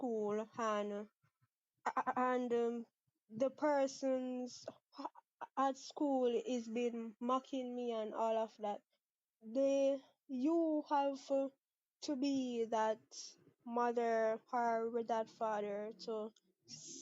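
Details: Stuttering in a 23-year-old woman from Jamaica, present since about age six; father and sister also stutter; never had speech therapy; part-word and whole-word repetitions audible.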